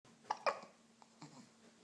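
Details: Baby with two short, sharp hiccup bursts close together, then quiet room noise; hiccups.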